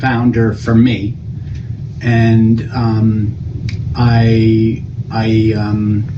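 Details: Broca's (non-fluent) aphasia in an adult male after a stroke, with repeated pausing mid-sentence, word-finding difficulty especially for nouns, and paraphasia.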